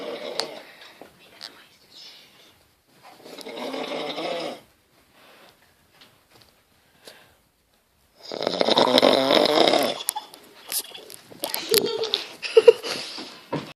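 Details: Adult man (father) snoring while asleep, likened to a pig: rough, rattling snores in bursts separated by quiet pauses; ordinary snoring.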